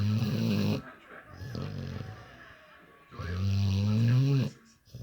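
Loud, deep, vibrating snores with a groaning tone on each breath, separated by quieter breathing; a dog snoring heavily.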